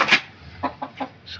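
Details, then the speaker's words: Short, rough, rattly sounds in quick succession from a chicken with severe noisy obstructed breathing (ngorok, snoring). "nih teman-teman nih kemarin ngoroknya parah banget nih"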